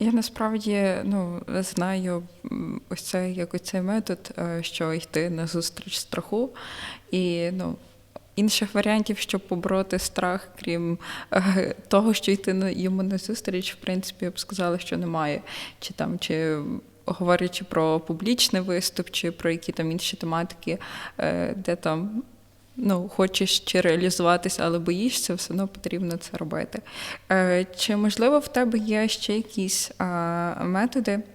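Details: Adult woman speaking; normal speech.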